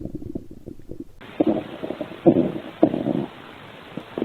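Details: Stomach growling (borborygmi): low gurgling rumbles and bubbling pulses from the belly.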